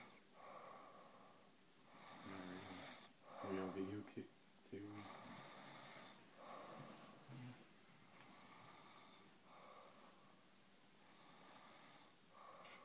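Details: Sleeping in an awkward position, rough rattling snores with noisy breaths between, irregular timing, over faint room noise; loud snoring.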